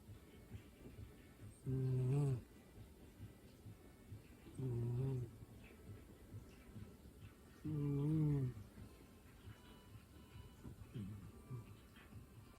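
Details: Sleeping cat: three slow, drawn-out nasal snoring sounds, roughly every three seconds, with quiet breathing between; snoring.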